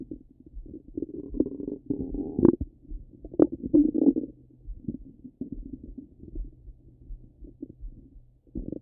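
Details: Irregular low gurgles and rumbles with occasional louder squeaky bursts from an ordinary rumbling stomach: active bowel sounds.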